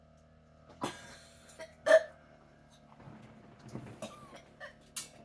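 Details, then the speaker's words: Autistic female with 22q11.2 deletion syndrome, Tourette's, seizures and nausea after a sleepless night: sudden, brief hiccup-like vocal bursts repeating irregularly, simple vocal tics. "And your Tourette's is activated."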